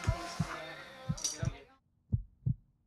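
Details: Heartbeat heard through a stethoscope: soft, low paired thumps about once a second, near 58 beats a minute, with music fading out behind them.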